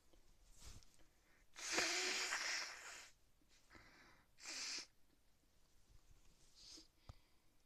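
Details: Two loud, hissing sneeze bursts with sniffs between, from someone sick with a bad cold caught in the pool who can't stop sneezing; sneezing.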